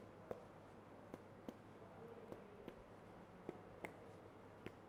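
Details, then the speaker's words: Abdominal percussion demonstrated in a clinical methods teaching session, no distension, no intestinal obstruction: about eight or nine soft, quick finger taps giving an ordinary resonant note without marked tympany. "sounds is pretty normal and I don't see any distension so no no intersinal obstruction at all"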